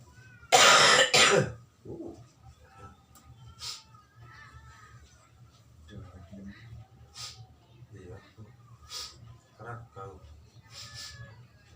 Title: Batuk di sertai flu